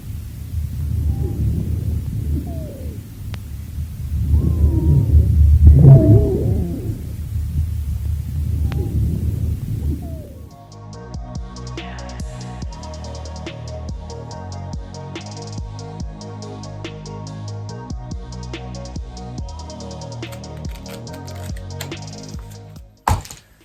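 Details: Lung auscultation teaching example: wheezes (dry rales) from bronchial narrowing with inflamed walls and viscous secretion.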